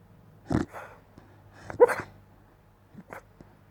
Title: SleepWoofing and snoring